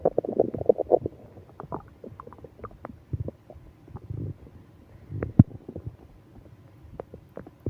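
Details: Stomach ache on a business trip: bursts of low gurgling and rumbling with scattered pops and squelches, active stomach growling, with moaning.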